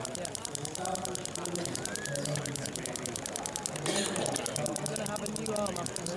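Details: Storz shockwave vibration applicator working over the inner elbow of an adult woman with chronic golfer's elbow (medial epicondylitis): fast steady ticking buzz with conversation over it.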